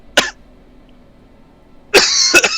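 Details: Person with an ongoing coughing problem: three short, sharp dry coughs, a single cough, a pause, then two close together.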